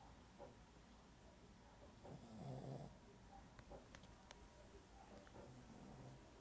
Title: Dog sleeping awkward and snoring!